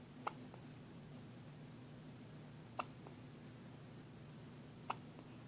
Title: more hiccups